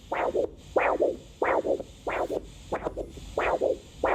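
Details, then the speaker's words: Handheld Doppler over a lower-limb artery: repeating paired whooshing pulses, about 92 a minute, two distinct sounds per beat, a biphasic arterial signal indicating loss of elasticity and low-grade stenosis. "but it's going to have two distinct sounds, like, and you'll be able to recognize it audibly, especially once you have some hands-on experience. And it represents loss of elasticity and low-grade stenosis."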